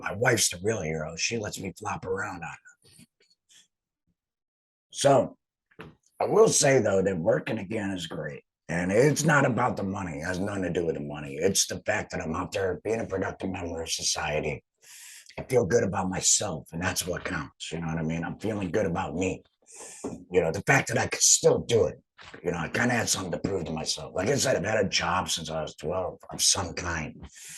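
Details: Adult man, a laryngectomee who has returned to work after total laryngectomy surgery, speaking with an alaryngeal voice; finding: alaryngeal speech after total laryngectomy.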